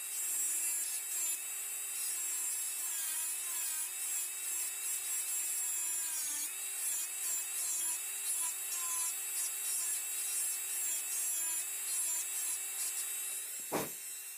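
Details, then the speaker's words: High-speed dental handpiece whining, pitch dipping slightly, during buccal surface reduction of the occlusal half with a slight lingual tilt. Typodont mandibular first molar (#36), full veneer crown preparation. "I'm reducing the occlusal half first, and the handpiece has to be slightly oriented with a slight lingual tilt. It should not be parallel to the long axis, it should be with a slight lingual tilt."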